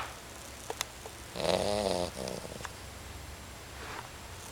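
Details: A sleeping puppy gives a single soft, fluttering snore with a nasal rasp, followed by faint breathing: light snoring.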